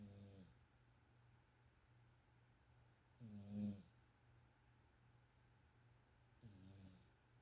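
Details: Snoring that is really starting to get louder: three soft, buzzy snores about every three seconds over a steady low hum; gentle snoring.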